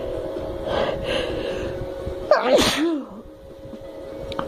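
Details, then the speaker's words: Adult woman's snuff-induced sneeze with tickly, burning nose: breathy build-up of in-breaths, then one forceful sneeze with a short voiced exhale. "let's see if i can get like a double or a triple out with the paper towel also since my nose is so tickly anyway"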